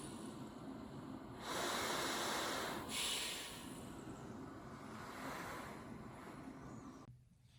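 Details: Travel CPAP machine; steady airy rushing hiss of the blower, swelling and easing with airflow, then cutting off: ordinary running noise of a travel CPAP machine.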